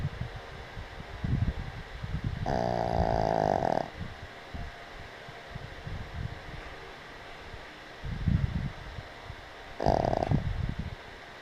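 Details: Boston Terrier asleep outdoors on a picnic table; two loud, buzzing snores a few seconds apart, with softer snuffling breaths in between and outdoor background noise. Snoring.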